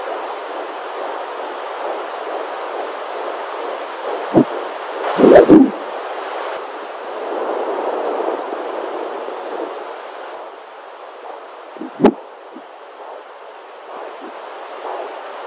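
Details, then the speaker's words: Home Doppler at 19 weeks of pregnancy, recorded via iPhone: fast, soft swooshing fetal heartbeat broken by several loud thumps from an active baby's repeated kicks; fetal heartbeat with fetal movements. "baby just went mad it was just a heartbeat constant and I thought oh so sweet so nice and then kick kick kick and I caught so many kicks and the baby was really active"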